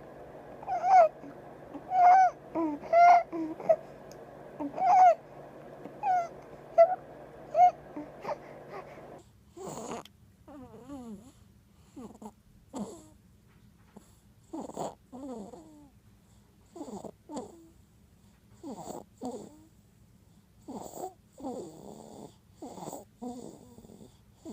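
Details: A 3-month-old girl, a noisy breather since 3–4 weeks old and worse while nursing, whom doctors found to be wheezing, breathes with a repeated squeaky, whistling noise, then coos and whimpers; tracheomalacia.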